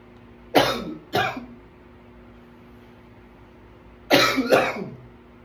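Four harsh coughs in two pairs separated by a quiet pause; a coughing attack.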